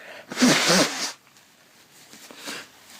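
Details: Someone who says they are sick, with a very blocked nose and a headache: one loud, forceful sneeze followed by quieter sniffing breaths through the blocked nose.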